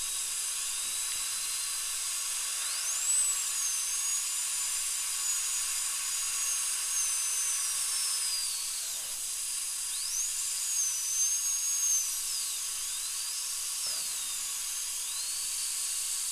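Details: High-speed dental drill with a 2 mm bur tracing out an old amalgam filling on upper second molar tooth #2, which has decay and a crack, before a porcelain crown, patient numb under rubber dam: whine rising and falling as it cuts, steady hiss underneath.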